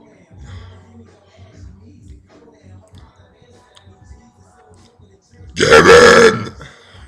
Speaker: hello today I will be burping names yeah let's go with the first one